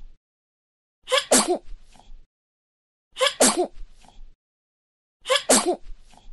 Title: 👶 Sonido de Bebe Estornudando - Baby Sneezing Sound 👶